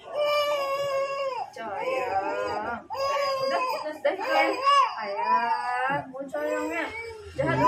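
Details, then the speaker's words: Baby boy crying in pain right after both ears are pierced with an ear-piercing gun: loud, high-pitched, sustained wailing in long bursts with brief gasps between. "Biar sekalian nangisnya ya paket ya. Iya sekalian terus. Oh. Cowoknya sayangnya. Udah. Dia nangis."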